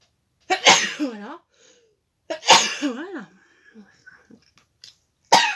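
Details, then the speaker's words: French-speaking adult announces "I'm going to sneeze" while crafting, then two sneezes in quick succession, each a sharp burst of air with a short voiced cry, with a third starting at the end; quiet room. "je vais éternuer"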